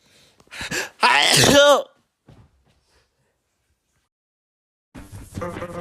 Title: 1440 million sneeze